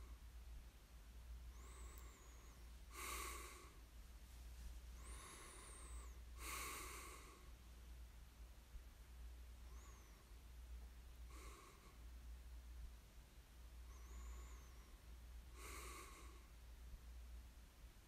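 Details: Snoring ASMR recording of a sleeper: breathy, snorting breaths about every four seconds over a steady low room hum, with faint chirps in the background.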